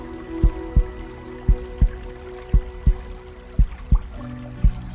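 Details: Produced heartbeat sound effect under calm epic music: deep thumps, irregularly spaced at roughly 57 a minute; not a real recording.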